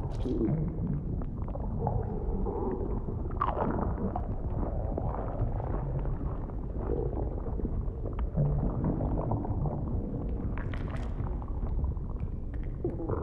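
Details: Close-up stomach rumbling recorded for ASMR audio while the performer keeps snacking: continuous low gurgling and rumbling with occasional louder swells as food digests.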